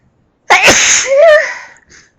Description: Some loud sneezes..... well i think they're loud ;-)